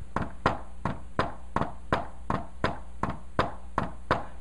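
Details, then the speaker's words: Simulated S4 gallop tapped by hand as a teaching imitation ("Tennessee" cadence): repeating paired thuds, with the S4 falling just before and very close to S1, so it is hard to notice at a fast rate. "now that's absolutely different right because it sounds like this now s4 is so close to s1 that when i do really fast you might not even notice look at this"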